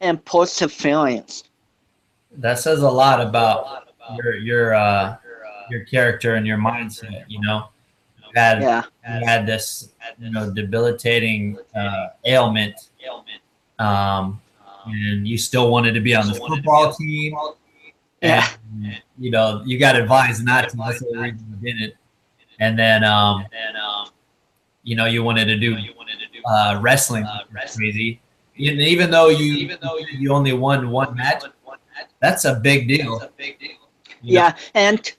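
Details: Adult male speaker; typical speech.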